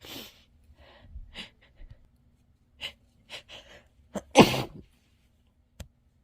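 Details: Quick breaths building to a stifled, muffled sneeze into a tissue, followed by a small second burst; sneezing.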